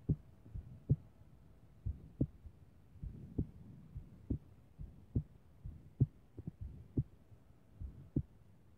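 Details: Strong, low heart thumps about 65 a minute with uneven spacing between beats, recorded in the morning: irregular heartbeat.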